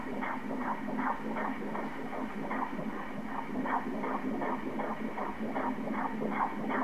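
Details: Rapid, steady whooshing ultrasound Doppler pulses at about 150 beats a minute over a soft background hiss: normal fetal heartbeat of fetus B in a twin pregnancy.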